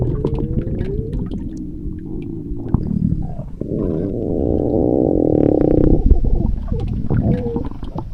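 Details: Stomach growling (borborygmi): low gurgling and rumbling with bubbly pops and a drawn-out squeaky groan midway.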